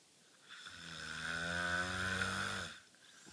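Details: A single steady, buzzing snore lasting about two seconds, rising slightly and then fading away: snoring.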